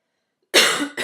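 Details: One sharp, harsh cough burst followed by the start of a second, in an adult who says their chest has just started wheezing.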